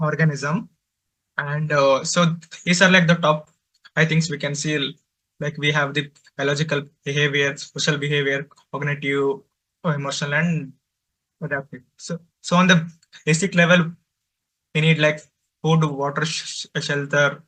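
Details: Male adult presenter from a stammering association who says he stutters and finds speaking difficult, especially with different people; stuttering.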